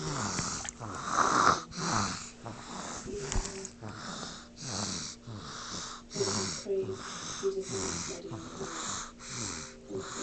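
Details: Snoring of a person, phone recording, stated to have no sound effects: rapid, rhythmic noisy breaths with whistling, rattling sounds on each cycle; snoring.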